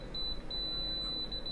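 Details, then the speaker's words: Apex locator emitting steady high beeping with brief gaps as the file passes the apex in the mesiobuccal canal during root canal treatment; working length about 18.5 mm, set to 18 mm. "again you see it's going through the apex locator is telling me i'm going through we go back"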